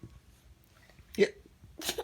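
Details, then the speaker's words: Hiccuping: two short, abrupt voiced catches about half a second apart over faint room noise, amid questions about hiccups. "I want to see if you have the hiccups. Who's got the hiccups? Who got the hiccups? Jenna."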